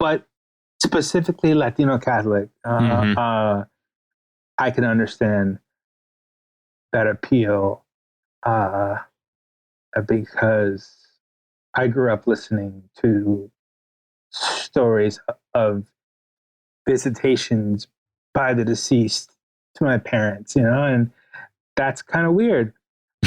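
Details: Stuttering in an adult male writer and podcast guest; the host notes his real, ongoing stutter may be heard throughout the interview.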